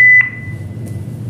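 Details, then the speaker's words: Philips defibrillator in AED mode: short electronic tone as 30 joule energy is selected for a test discharge, over low room hum. "Nah, sini kita akan coba kita buang arus 30 joule."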